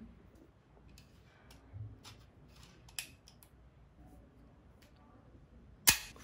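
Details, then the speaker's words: Automatic 16-gauge core biopsy gun charged and test-fired before insertion into a palpable lump under local anaesthetic: quiet charging clicks, then a sharp loud snap. "once you fire the gun take it out and pull the tops slide to expose the biopsy sample"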